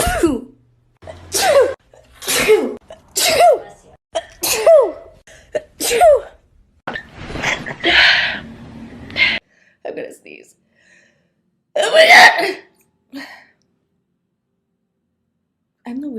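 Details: Celebrity sneezing bout from a compilation: about six quick, high-pitched sneezes in a row, then a few softer sneezes and breaths.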